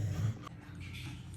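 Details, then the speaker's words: A low, rumbling, snort-like snore from a sleeping pet, with quiet room noise: snoring. "Bugun নাক ডাকছে, ওটা তোমাদের শুনতে হবে, শুনতে পাচ্ছ নিশ্চয়ই।"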